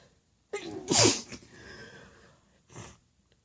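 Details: Female, quiet sneezes in a small room while others sleep: a quick inhale, a sharp hissing sneeze burst, then a softer second puff.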